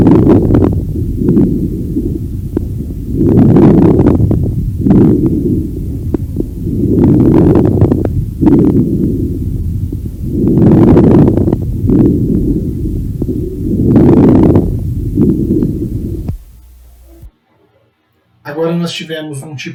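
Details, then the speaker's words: Simulated breath sounds at about 17 breaths a minute with late inspiratory fine crackles at the end of each inspiration, in a lung auscultation lesson. "um tipo de creditação que aconteceu no final da inspiração observem que a o número de colar acontece na em todo o ato respiratório e no final a gente vê consegue perceber uma acreditação tina no no final da inspiração"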